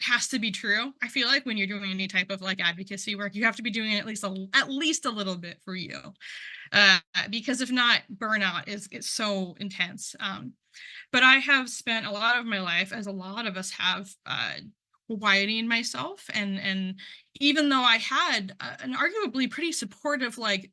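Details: Adult who identifies as a person who stutters, presenting at a stuttering conference; word and part-word repetitions are heard; stuttering.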